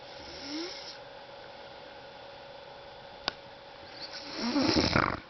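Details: Adult woman dozing off, filmed by her husband: quiet breathing, then a loud, rough snore as she falls back asleep; faint room hum.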